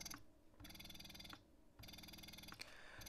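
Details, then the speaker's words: Electric breast pump switched from let-down back into expression mode, with adjustable vacuum and cycle rate: rhythmic motor whirring at about 50 cycles a minute, with a click at each release. "so you can hear the difference there right now going back into expression mode"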